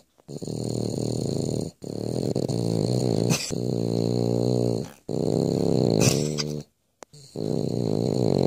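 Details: French Bulldog snoring: loud, prolonged, buzzing snores with short pauses between breaths, rough and vibrating throughout; snoring.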